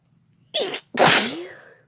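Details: Sneezing with no talking: a short inward breath followed by one loud, explosive sneeze that trails off.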